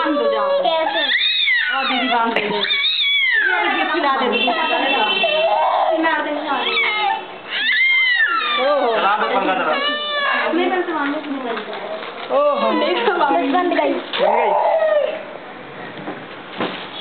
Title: crying baby| naughty baby| | badmash bacha